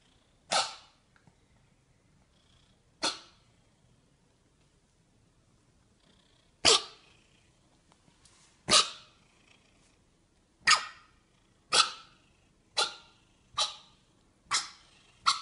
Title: Funny Cat coughing and hiccuping